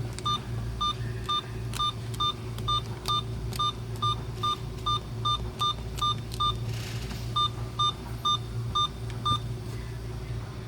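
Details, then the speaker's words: Alaris 8015 infusion pump controller keypad test during preventive maintenance, with each front key pressed one at a time: a series of short, even electronic beeps, one per key, as normal device feedback. "This is the keypad test we have to make sure that every key on the front keypad is working so we're going to press one at"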